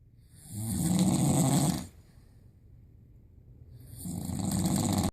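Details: Owner's loud snoring that wakes a schnauzer: a harsh, rattling snore on a long breath, a pause, then the next snore building; heavy snoring.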